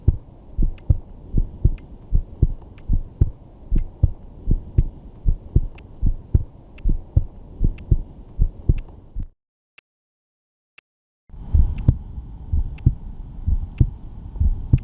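Regular paired low thumps of a heartbeat through a stethoscope, about 60 a minute, with a brief silent gap.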